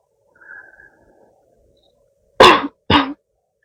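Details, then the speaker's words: Soft sound then two short sharp coughs from a woman acting a girlfriend with a weak throat who has coughed often since childhood and now has a sore throat; simulated coughing in an ASMR roleplay. "이거 기침 계속하는 거 조금 힘들긴 한데 어쩔 수가 없잖아"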